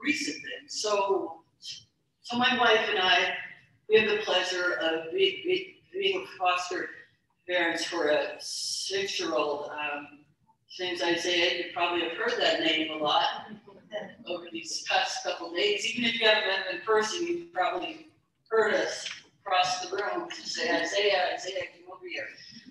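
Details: Adult woman who stutters, keynote speaker at a stuttering convention, describing her own stuttering as bouncing off syllables, hesitations and prolonging consonants; stuttering.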